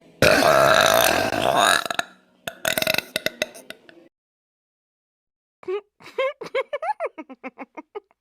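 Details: Edited cartoon compilation of One Piece female characters burping: a loud drawn-out belch, then shorter burp bursts and rapid squeaky vocal sounds, with music; acted burping.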